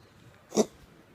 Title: Cat coughs up furballs PT 2